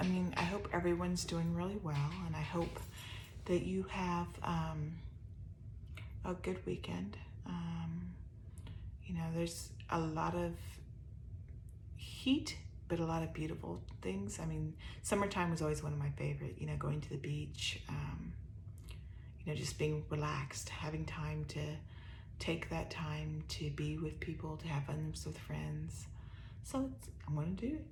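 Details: ALS-related voice weakness (dysphonia) in an adult woman with upper motor neuron dominant ALS (C9orf72 mutation) with some lower motor neuron signs; voice already soft, gets softer after talking.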